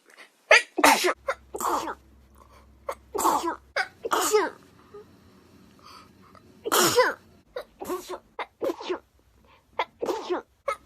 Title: Beautiful Japanese Girl sneezes uncontrollably